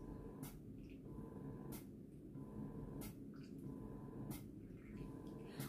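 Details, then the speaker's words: Spectra Synergy Gold electric breast pump in expression mode during live pumping: soft rhythmic suction whooshes, about 47 cycles a minute, over a quiet motor hum. "so this is just regular pumping okay turn this to the side tubing is in the way so this is just regular pumping and liquid massage look at that this is what it's looking"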